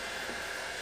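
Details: Quiet, steady airy whooshing hum of an ozone (O3) CPAP cleaner's small pump pushing air through CPAP tubing during a 30-minute cleaning cycle, with an ozone scent noted: a CPAP ozone cleaner pumping air.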